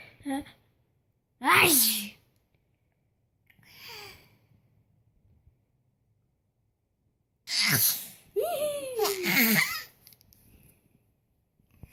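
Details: Several short, high-voiced "ah-choo" bursts in a quiet room from an 11-month-old baby, fake sneezing to imitate her sister; simulated sneeze.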